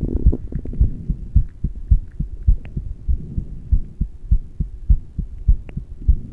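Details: Steady, low thumping heartbeat at roughly 100 bpm. It was recorded while breathing into a plastic bag through a straw with no fresh air, after about ten minutes of intermittent rebreathing. Rapid heartbeat during rebreathing.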